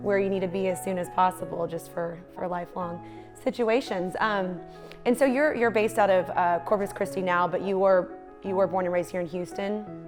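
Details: Adult female speaker; typical speech.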